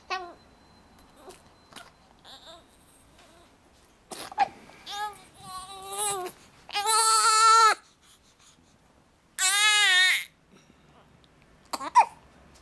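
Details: Baby with hiccups fussing and babbling, building into several loud, sustained wailing cries with pauses between; an ordinary infant cry.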